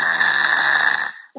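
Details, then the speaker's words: Loud snoring from a child with grade 3 tonsillar hypertrophy and frequent chronic rhinosinusitis, snoring since age two regardless of position, scoring 19 of 22 on a sleep questionnaire, before tonsillectomy was considered. "como este niño está robando 15 años empieza a roncar demasiado de una manera que nosotros pensaremos que estamos cantando"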